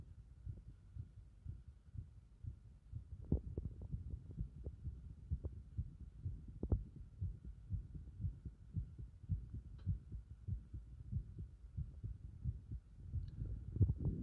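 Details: Heart sounds with the chest repeatedly pressed in: steady low heartbeat thumps with intermittent louder knocks and rubbing from pressing on the chest.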